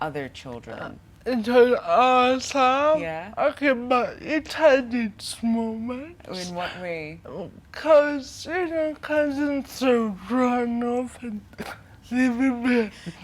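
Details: 25-year-old woman with cerebral palsy from brain damage due to lack of oxygen at birth during her mother's prolonged labour, affecting leg and hand movement, coordination and speech; dysarthria (cerebral palsy).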